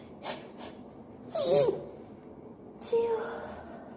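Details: Person sneezing during a cold, with hay fever also mentioned: short sharp breaths in, then two forceful sneezes with voiced bursts.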